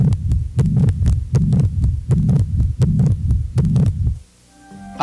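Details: Regular heartbeat near 79 a minute, with a whooshing murmur filling the gaps between beats, from turbulent blood flow in a heart valve lesion; heart murmur.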